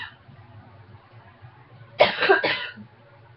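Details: Two quick, sharp coughs from an adult, close together, against a quiet room hum: cough.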